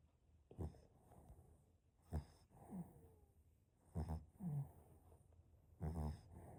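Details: Shih-poo dog snoring while asleep: soft, irregular low snorting breaths with brief whistly notes.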